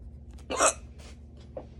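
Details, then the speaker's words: Adult with a long, strong bout of hiccups lasting almost 10 minutes while wrapping up a workday, feeling thirsty: a sharp, abrupt hiccup with a quick catch of breath, then a fainter one. "I get hiccups I'm trying to do something I want to wrap up my day but the hiccups have happened so I'm like"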